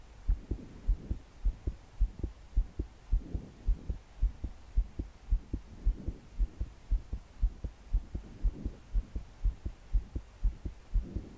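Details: 22-year-old female trying to sleep, body shaking with each beat, deep breaths not helping: strong, regular thudding heartbeat about 105 a minute with slow breaths and rain behind; fast, forceful palpitations.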